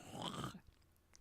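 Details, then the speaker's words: Adult woman's brief low, creaking stomach gurgle about half a second long, which she compares to creaking floorboards, while saying she is very hungry; stomach growling (borborygmi). "it sounds kind of like when you're stepping on the floorboards any Creek that's what my tummy just sounded like"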